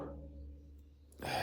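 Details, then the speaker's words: An adult gives a loud sneeze after a quiet pause, having warned just before it during a talk; the speaker says they always sneeze quite loudly. "Pardon me. I always sneeze quite loudly."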